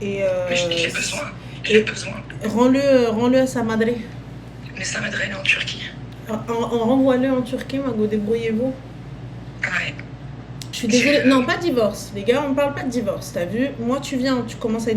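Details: Adult speaker; normal voice.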